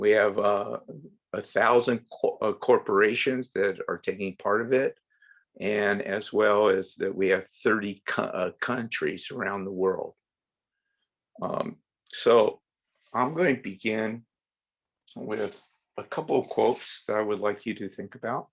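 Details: Adult woman from Sweden who stutters; has learned speech techniques and accepts her stutter; stuttering.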